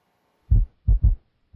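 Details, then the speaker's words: Listening at the apex: low heart sounds with an extra dull sound just after S2, a galloping rhythm like "Kentucky": S3 ventricular gallop from early diastolic filling. "occurs when blood filling the ventricles makes their walls vibrate early in diastole because this low pitched sound happens right after s2 it produces a galloping rhythm as in the word kentucky"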